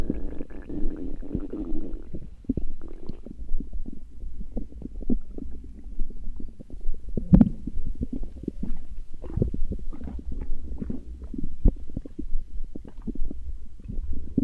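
Low gurgling and rumbling bowel sounds with irregular bubbly pops, ordinary stomach growling from gas and fluid moving through the gut.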